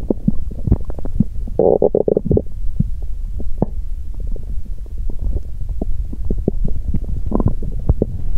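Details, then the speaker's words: Loud, continuous gurgling and popping with a few longer rumbles from an empty stomach after exercising while hungry; loud bowel sounds (borborygmi). "Âm thanh réo rắt của dạ dày tôi tiếp tục một lúc ♪ Nếu bạn thích, xin vui lòng xem cho đến khi kết thúc 💗 ♪ Đó là một âm thanh đói tốt!"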